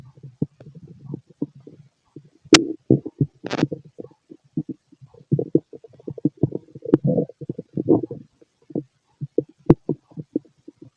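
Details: Male's loud stomach growling, described as a healthy digestive system: frequent gurgling, bubbling and low rumbling with a few sharper pops; active normal bowel sounds.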